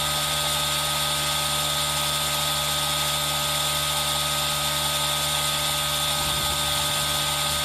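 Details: ASMR recording of a running aerosol nebulizer: a steady motorized hum and hiss mixed with continuous rain sound, unchanging throughout.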